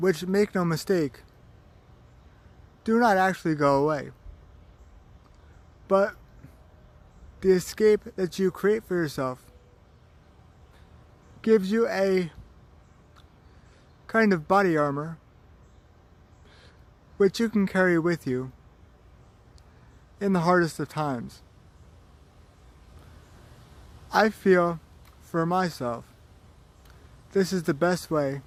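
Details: Speech of a man with cerebral palsy, with long pauses between short phrases.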